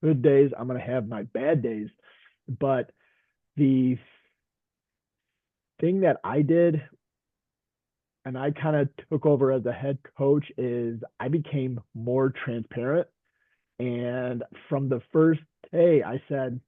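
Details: Stuttering in an adult male veteran high school coach and special education teacher who stutters.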